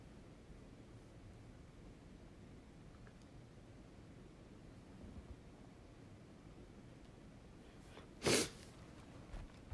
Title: Sneezing Like Crazy